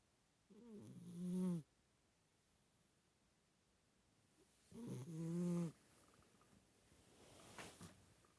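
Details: Snoring from a Siamese cat: two slow, rasping, throaty snores about 4 seconds apart in a quiet room.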